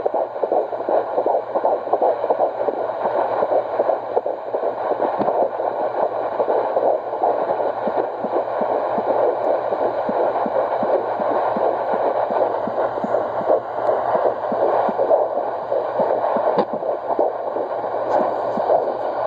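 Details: Fetal heartbeat at 13 weeks of pregnancy, found at home with a fetal Doppler heart rate monitor: rapid rhythmic whooshing pulses at about 160 beats a minute.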